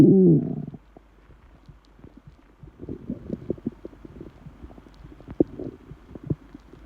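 A brief loud growl, then a quiet stretch and scattered soft gurgles and pops of an empty stomach; ordinary bowel sounds.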